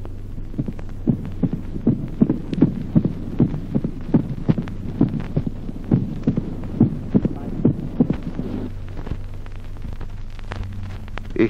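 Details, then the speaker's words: Teaching example of a short-interval mitral opening snap in sinus rhythm: regular heart sounds with a crisp extra sound just after the second heart sound. "ejemplo 15 chasquido de apertura mitral de intervalo breve con ritmo sinusal"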